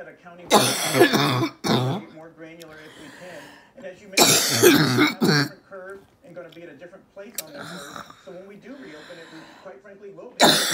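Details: Female orthopedic surgeon recovering from COVID-19 at home, evening of day 16, with a sudden onset of choking as a major mucus plug dislodges: harsh, forceful coughing bursts with throat clearing and strained breaths; a coughing fit.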